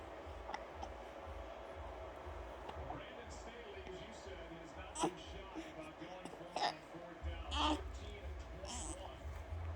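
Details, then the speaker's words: Hiccups in a two-week-old newborn relaxing with mother: soft, brief catch sounds recurring irregularly over a few seconds amid quiet room noise. "Those hiccups got cheese. Those hiccups get cheese."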